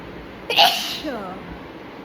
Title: Sneezing Nose Blowing And Spitting Challenge Part 17😂